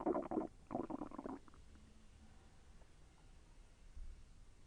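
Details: Bowel sounds (borborygmi) during digestion: two bursts of bubbling, gurgling rumble, then quiet. The person felt the intestine move and said it was a little painful.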